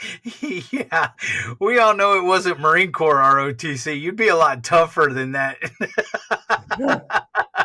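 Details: Adult speaker; ordinary speech.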